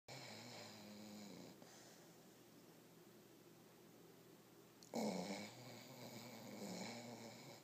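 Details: Sleeping dog snoring: two rumbling, throaty snores in a quiet room, the second louder and rougher.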